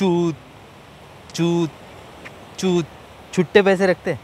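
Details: Acted stuttering, deliberately performed by a male prankster as a street prank, with repeated initial syllables.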